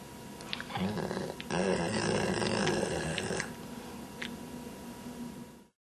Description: dog snoring